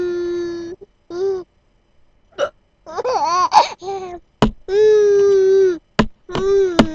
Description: 6 month old baby amused by mum's hiccups and chuckles nonstop